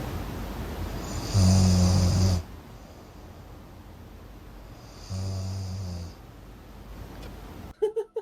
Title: Elraenn Ekibin Horlama Seslerini Dinliyor